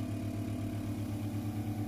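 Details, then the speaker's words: Body-slimming vacuum therapy machine being started: a steady low motor hum with a fast, regular throb as the suction pump builds vacuum. "आपको machine को start करनी है वहां पर रखना है और वेक्यूम की बनानी"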